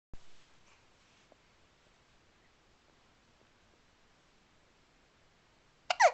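Two brief, abrupt catch-like sounds, one at the start and one at the end, separated by near silence in a quiet room: hiccups.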